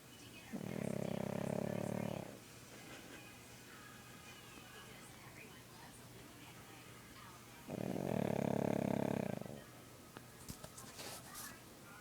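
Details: Pug, a short-nosed dog, snoring: two long, rough, rattling snoring breaths separated by quiet breathing, over steady room noise.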